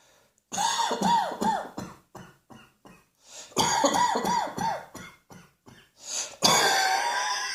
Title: Cross Dressing Coughing 97